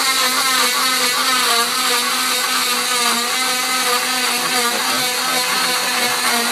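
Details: Steady high motor whine with wavering pitch: a cast saw cutting off a full-leg cast after 6 weeks following patellar tendon reattachment surgery.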